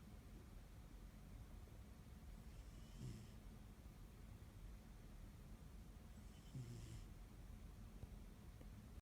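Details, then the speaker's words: Sleeping male cat giving soft, low rumbling snores about every three and a half seconds over a steady background hum; snores whenever he falls asleep; snoring. "Does anyone else's cat snore like this? Just snoring away. He's like a little baby."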